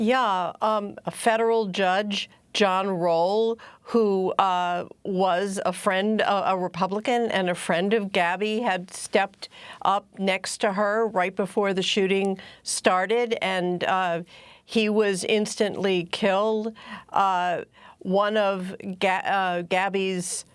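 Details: Adult woman speaking; normal adult speech.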